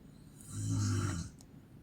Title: My Mom Snores like a Horse 🐎🐎🐎